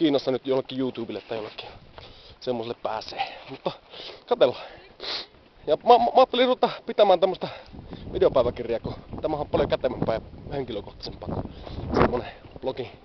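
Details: Adult man who stammers, speaking Finnish; stuttering.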